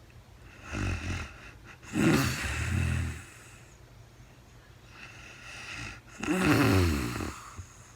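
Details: Real-time sleep recording of a woman snoring, no talking: two rough, rattling inspiratory snores separated by quieter breaths; ordinary snoring.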